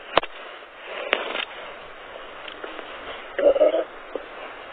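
Soft intermittent gurgles and clicks with a louder bubbling rumble near the end over faint background hiss: stomach growling, ordinary bowel sounds.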